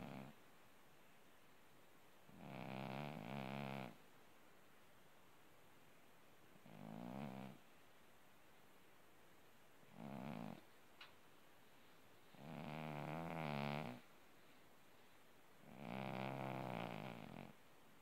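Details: Orange tabby cat asleep: five rough, buzzing snores at regular intervals, about 17 a minute, in a quiet room; snoring.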